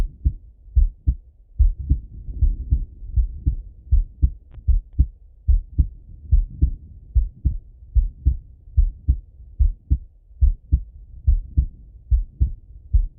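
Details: Male heart auscultated with a stethoscope: steady paired low thumps at about 73 beats a minute, faint stethoscope handling rub; normal heart sounds.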